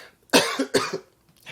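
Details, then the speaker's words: Adult with a lingering cough and on-and-off hoarse throat, improving on new medication; coughing. "as you can hear I still got this cough my throat still feels horse on and off on and off not constant"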